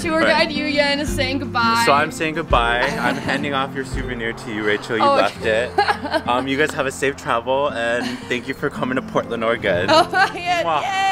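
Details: Adult speaker; typical voice.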